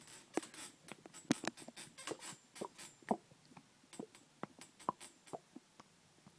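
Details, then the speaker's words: Adult man sitting and rocking back and forth after drinking water: irregular soft splashing and gurgling bursts of water sloshing in his stomach, harmless. "now if you can hear that that's my stomach stomach making that that sound it's the water slashing back and forth"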